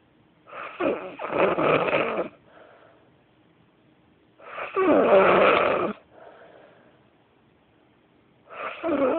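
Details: Very loud, awkward snoring at 5 in the morning: loud harsh snorting snores on breathing in, about every four seconds, with brief airy exhalations, about 15 breaths a minute.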